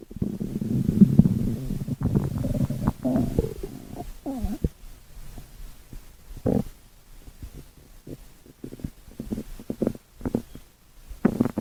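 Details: Stomach growling (borborygmi): low rumbling gurgles and short squeaky bubbling sounds from the belly.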